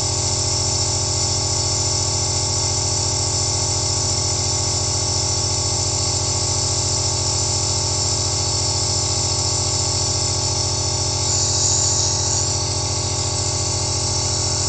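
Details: Steady, continuous mechanical buzz with a low hum and constant hiss, unchanging, heard first-person: an aerosol compressor nebulizer running.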